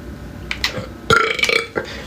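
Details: Adult burping: a quick run of loud, croaky belches over steady background noise, while drinking beer; ordinary burping.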